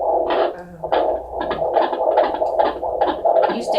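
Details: Fetal heartbeat on a Doppler monitor at 39 weeks 3 days of pregnancy, with induction discussed: fast, regular whooshing pulses, about 140 beats a minute.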